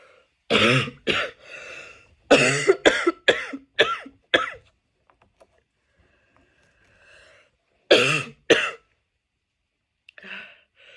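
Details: Bursts of harsh coughing and throat clearing, about ten in all, in clusters with pauses, after chhinkni, with no sneezes; a cough.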